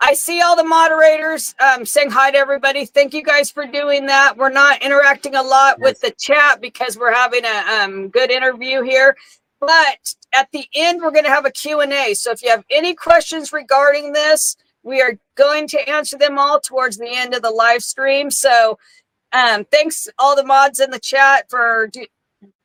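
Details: Adult woman speaking; normal speech.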